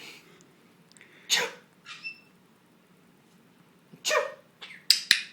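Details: Small pet bird trained to sneeze on command: several short, sharp hissing bursts in a quiet room; sneezing.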